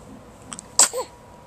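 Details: A faint quick inhale, then one sharp explosive sneeze with a brief voiced tail, over quiet room noise: a single sneeze.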